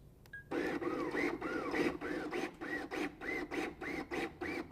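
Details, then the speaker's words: A LUCAS mechanical CPR device in a training demonstration, with the suction cup set at the start position and Active pressed for continuous compressions. It makes regular rhythmic mechanical whirring pulses at about 100 a minute. "Use the pause button to set the start position for the suction cup. Press the active button for continuous compressions."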